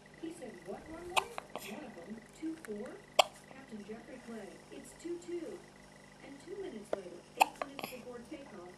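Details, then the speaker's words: 7-day-old infant with hiccups after feeding (parent suggests too much breast milk): soft fussing broken by several sharp, abrupt little clicks a few seconds apart. "Little hiccup monster. Oh. Too much of Mummy's milk."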